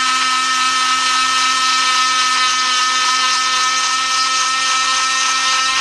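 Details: Cast removal after a month in the cast: steady high-pitched motor whine with grinding as an oscillating saw cuts through a plaster cast and its cotton padding.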